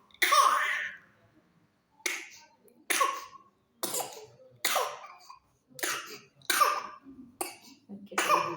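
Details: Pertussis (whooping cough) paroxysm in a 3-month-old infant: a run of about nine harsh coughs in quick bursts.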